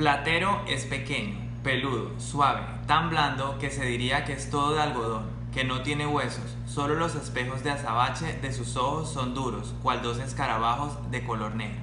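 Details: Voice of a speaker reading a Spanish passage, recorded before voice feminization surgery using the Wendler glottoplasty technique.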